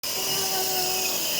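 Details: Nebulizer running for a baby with cough and cold to loosen phlegm: a steady, loud hissing whine of the compressor without a break.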